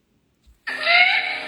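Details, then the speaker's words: Inspiratory whoop in a child: a single harsh, high-pitched, drawn-out noisy intake of breath lasting about a second after coughing, whooping cough with difficult inhalation. "если тот был лающий то этот кашель будет с проблемой вдоха давайте слушать"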